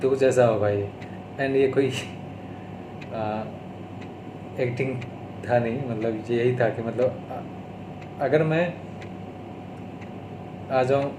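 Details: Adult man with stuttering (stammering), recorded on day 32 of speech therapy, speaking Hindi mixed with English.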